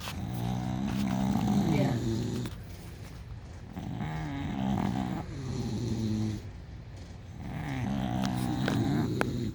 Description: Bulldogs snoring loudly, and I love it lol.